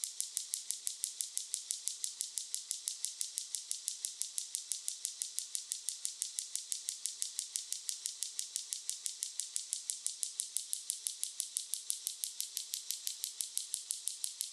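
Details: Extracorporeal shockwave therapy device demonstrated before treatment after gel is applied, at a hospital-run medical spa. Steady, regular sharp clicking pulses, about 51 a minute, in a quiet room.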